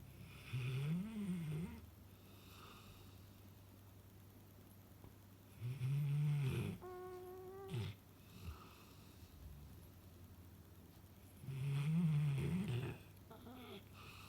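Slow, low, wavering snores about every six seconds, roughly ten a minute, with a brief whistly squeak between; ordinary snoring in a sleeping dog.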